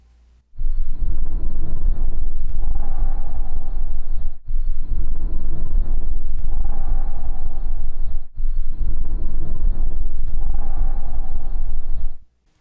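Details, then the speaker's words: Teaching example of lung auscultation: three even breath cycles of low rushing sound, inspiration and expiration equal with no pause between them; normal bronchovesicular breath sound, pathological if heard at the lung periphery. "a transição do som brônquico para murmure vesicular e sua alteração baseia-se na mesma ideia do som brônquico"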